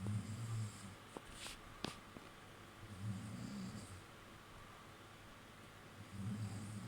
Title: girl friend snoring her head off y am watching horror hahaha